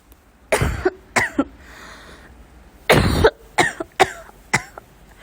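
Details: Child coughing: two bouts of short, dry-sounding coughs, about seven in all, with a quiet pause between bouts; a plain cough.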